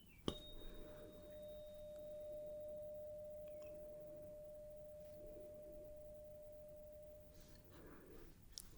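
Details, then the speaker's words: Simulated medical exam (roleplay): a 512 Hz high-pitched tuning fork is struck and rings with a steady pure tone that slowly fades over several seconds, used for a hearing test. "so let's start with the high pitched one this is 512 Hertz"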